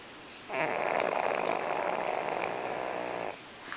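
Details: Pug sleeping motionless after a tired day, snoring loudly; dog snoring.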